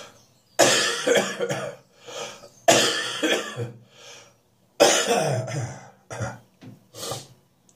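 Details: Adult with a lingering spring cold, still coughing in the mornings but less during the day: three bouts of harsh, throaty coughing with throat clearing between them; cough from a common cold.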